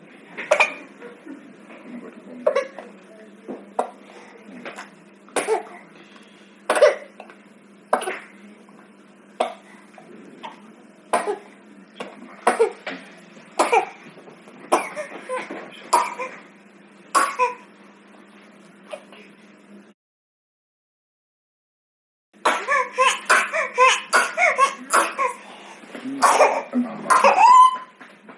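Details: Repeated short, high-pitched cough bursts from a baby, with a steady low hum behind them; infant cough.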